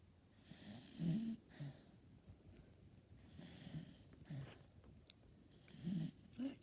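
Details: Dachshund dog asleep, snoring cutely: soft, low rumbling snores about every two to three seconds with a quiet hiss between them; quiet recording, volume up recommended.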